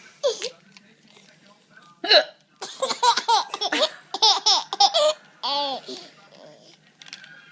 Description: Every time I hiccuped he chuckled.